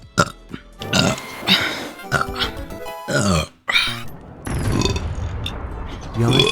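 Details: VTuber belching after drinking a really big drink of water: several loud, drawn-out burps with background music.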